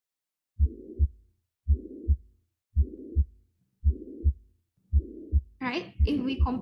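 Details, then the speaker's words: Holosystolic murmur of constant amplitude starting right after S1 throughout systole, from blood flowing back through incompetent atrioventricular valves; causes named as tricuspid regurgitation, mitral regurgitation or ventricular septal defect. "this one is more of a constant amplitude pitch and remember that it happens during this install so it's right after the first hot sun"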